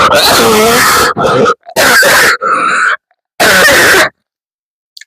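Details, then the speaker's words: Three forceful, harsh coughs with strained gasps between them, a hard coughing fit so hard it brings tears, first of the day. "That was a good one. I'm literally crying cuz of how hard I coughed."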